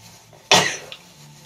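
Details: A single sharp, harsh cough burst in a quiet room from a person with a cold who has been sneezing; an ordinary cough.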